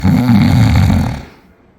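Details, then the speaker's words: Snoring: one loud, rough, low fluttering snore on an in-breath, then quiet, from vibrating soft tissue. "Ganz einfach. In Rückenlage fällt die Zunge nach hinten und der Rachen wird enger. Die Luft pfeift durch und das Gewebe vibriert und das Schnaen wird lauter."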